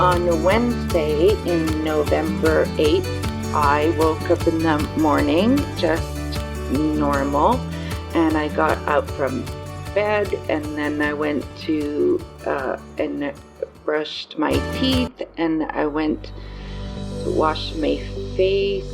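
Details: 54-year-old woman with aphasia after a stroke on November 8, with word-finding difficulty in speech and writing, including small words, pronouns and word order; aphasia.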